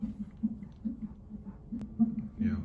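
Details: At hospital during labor: rapid rhythmic whooshing pulses over a monitor, fetal heartbeat heard by Doppler.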